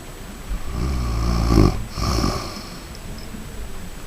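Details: Five-year-old chihuahua snoring like a human while asleep, recorded at close range: loud, rattling snore on the in-breath, then a second rough breath.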